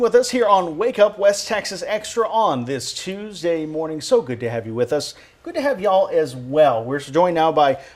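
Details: Adult television hosts; normal fluent speech.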